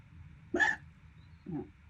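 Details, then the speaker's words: Persistent hiccups still going after three and a half minutes of a run lasting over 12 minutes. Two abrupt, short, voiced gulping sounds about a second apart. "This is ridiculous. It's uh over 3 minutes, three and a half minutes still going."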